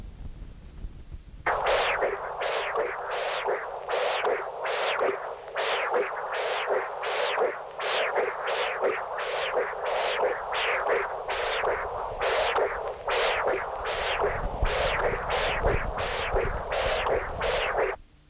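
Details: Continuous-wave Doppler, non-imaging transducer at the apical position across the tricuspid valve: loud, regular whooshing flow signals at about 82 a minute, systolic and diastolic sounds of similar strength; severe tricuspid regurgitation.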